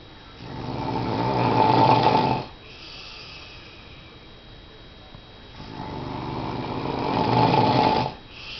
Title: snoring